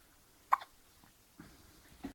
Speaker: You got hiccups. You have. You got the hiccups.